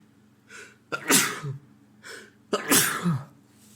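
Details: Man who sneezed repeatedly all day at home; partner hopes he is not getting a cold again. Two sneezes in quick succession, each a short catching in-breath followed by a sharp explosive burst.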